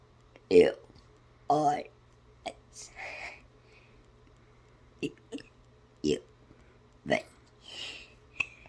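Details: Deliberate, playful burping of the alphabet song: short voiced belches with soft whispered sounds between them, shaped into a sung sequence.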